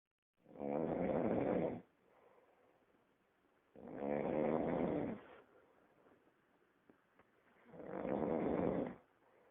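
Deep rumbling snores, about 17 a minute, with soft breathing between in a quiet room.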